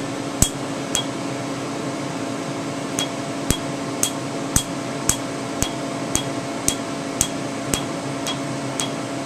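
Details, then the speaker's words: Sharp snapping clicks at roughly two a second over a steady machine hum: Candela TriVantage Q-switched 755 nm alexandrite laser, 2 mm spot, striking name-tattoo ink after topical anesthetic. A little snap is good. "again this is 755 nanm [Music] Alexandrite little bit of snap is good"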